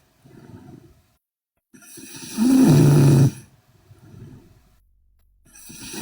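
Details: Loud, rattling snore with a droning tone on the in-breath between softer breaths: heavy snoring in a sleeping Korean girl.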